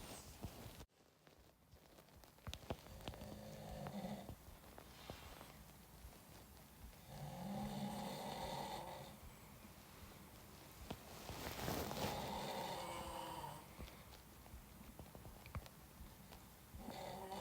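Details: Adult man, an actor, snoring while asleep, recorded by a friend: quiet snoring with several long, rattling breath sounds over a steady background hiss.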